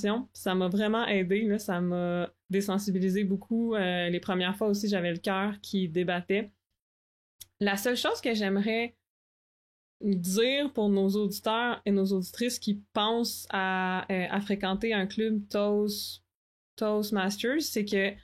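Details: Adult woman who stutters, a master's candidate in speech-language pathology, speaking French; stuttering.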